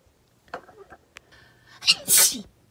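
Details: Female singer, formerly of Sistar, during a live broadcast: a quiet breath and short voiced sounds, then a sharp inhaled catch and one loud explosive sneeze; one of several sneezes and coughs; sneezing.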